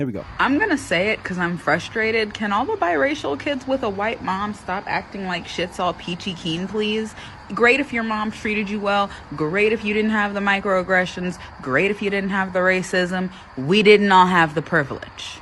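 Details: Adult woman speaking; normal speech.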